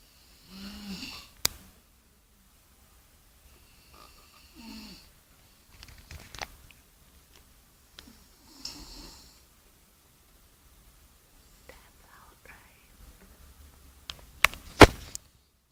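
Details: Snoring: soft, irregular snorting snores and breathy noises in a quiet room, with a few sharp knocks.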